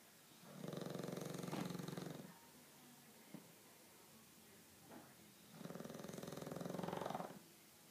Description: My 7 month old bulldog mater snoring like a boussse